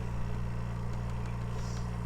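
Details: Steady low mechanical hum of an oxygen concentrator (93% purity, adjustable flow up to seven liters, with a timer) running after being switched on, feeding an incubator; oxygen concentrator running.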